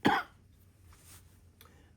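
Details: Cough.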